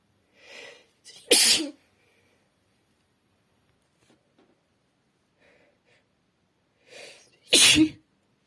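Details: Two sharp, explosive sneezes, each preceded by a quick inhaled breath, with brief soft rustling between; female sneezing, using tissues, at home alone.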